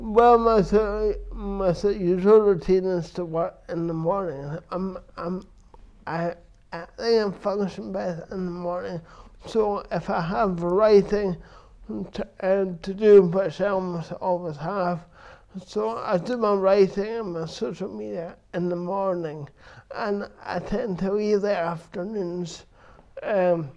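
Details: Adult man with dysarthria from cerebral palsy present since birth, which he says affects his verbal communication, balance and coordination; real speech; finding: dysarthria (cerebral palsy).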